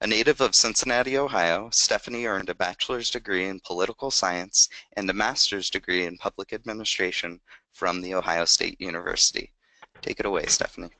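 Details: Adult male speaker; normal voice.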